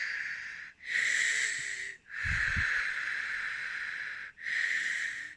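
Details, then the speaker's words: Day after lung wash for inflamed lungs, still gasping for air and unable to breathe through nose: loud effortful hissing, wheezy breaths about 45 a minute with brief pauses; laboured wheezy breathing from air hunger. "Like, it's removed stuff so I can take a full breath, but I'm still gasping for air."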